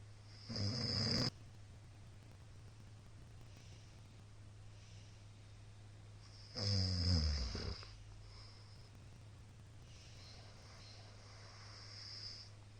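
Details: Middle-aged man's loud everyday snoring recorded on 2022-04-17: two loud, rattling snores about five seconds apart over a steady low room hum during sleep. Snoring.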